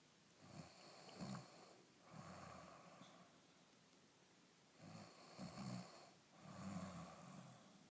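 Soft, rumbling snores come in slow repeated breaths in a quiet room, each with a rough, fluttering note: ordinary snoring.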